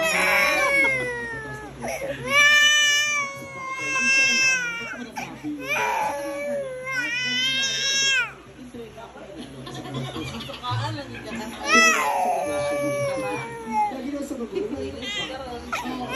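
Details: Baby crying loudly in a café: wailing cries in repeated bursts with gasping breaths between them, over café background noise.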